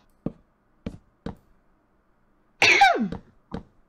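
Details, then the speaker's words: Several short, sharp coughs, then a louder burst sounding partly like a sneeze, then one more cough; a cough that sounded like a cough and a sneeze. "It's a cough. It's a, it sounds like a cough and a sneeze."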